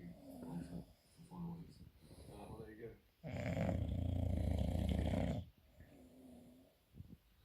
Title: Bulldog snoring